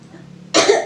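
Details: Simulated nursing procedure with an adult female patient doing deep-breathing and effective-cough training to clear sputum: after a held deep breath, a single strong, deliberate voluntary cough.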